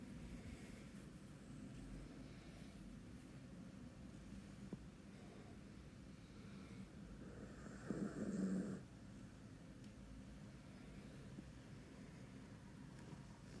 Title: Snoring Bella